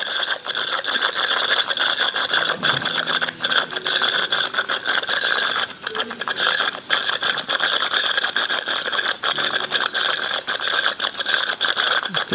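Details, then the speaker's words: Ultrasonic scaler removing tartar between teeth, tooth by tooth, at a dental clinic before cosmetic porcelain crowns: steady high-pitched squeal with crackly hissing water spray and brief interruptions; dental scaling. "lấy Rất là nhẹ nhàng tự nhiên không có cảm giác gì cả"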